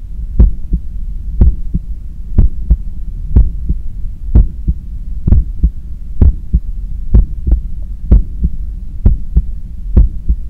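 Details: Adult cooling down after a 10 km run: regular, strong lub-dub heartbeat about 62 a minute over low hum, with a visibly strong neck pulse; normal heart sounds during post-exercise recovery.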